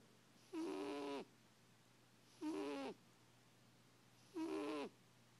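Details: Three long, rough, tonal snores about two seconds apart, roughly 30 a minute, over quiet room hum from a sleeper who loves to snore; owner jokes he may need a CPAP machine; snoring.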